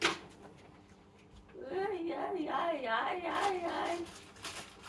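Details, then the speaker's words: Autistic adult with 22q11.2 deletion syndrome, Tourette's, genetic seizures, during an at-home seizure watch: brief burst of repeated high, sing-song wordless vocal sounds in a quiet room; vocal tics of Tourette syndrome. "Vocalized ticks. Part of the Tourette's option stats are flapping around a little bit at the moment."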